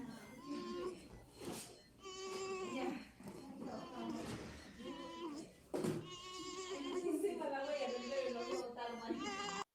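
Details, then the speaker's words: Newborn in the immediate neonatal period with respiratory distress after birth, with chest retractions, makes a non-cry grunting noise; expiratory grunting. "Como pueden ver acá, ese ruido que hace el bebé no es un llanto, es el quejido, ¿no?"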